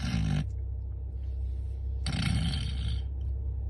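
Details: Snoring: two loud, rough, low rattling inspiratory snores separated by a quiet pause, over a steady low background hum.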